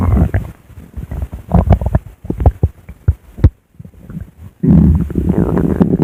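Bubbling, popping gurgles, a short quiet gap, then a loud sustained rumble; ordinary stomach growling.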